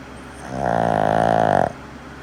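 One loud, drawn-out, rattling, fluttering snore on a single breath, about a second long, from a sleeping small dog.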